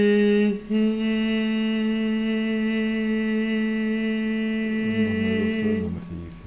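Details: Adult voice, sustained vowel; voice after vocal fold polyp removal.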